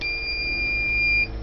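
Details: A steady high-pitched electronic beep of about a second as the flow-setting button is pressed on an AirSep Freestyle portable oxygen concentrator, set to pulse dose 1 L/min; a button beep.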